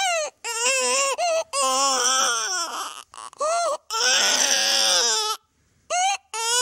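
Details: Infant cry sound effect, made on a sound-effects website: high, wavering crying bursts broken by short pauses and whimpers.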